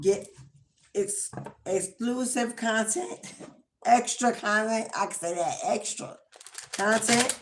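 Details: Adult woman with an acquired, not congenital, speech impediment caused by damage from prolonged anesthesia with repeated extra doses during a prolonged emergency C-section.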